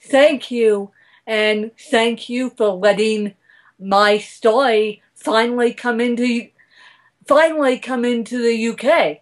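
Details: Adult woman speaking; dysarthria (cerebral palsy).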